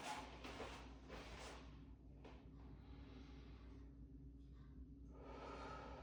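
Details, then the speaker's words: Adult male patient lying back, taking deep breaths in and out through the mouth as a student nurse practitioner auscultates the front of the chest with a stethoscope during a respiratory exam. "So just every time I move my stethoscope, just take a deep breath in and out of your mouth."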